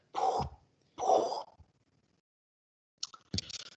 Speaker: And this is produces the cresendo theu M which sounds something like that